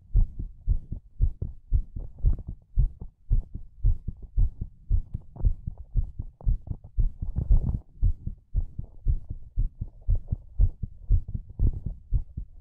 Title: ASMR HEARTBEAT